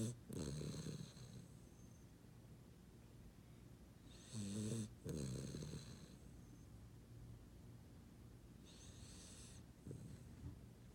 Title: Snoring Puppy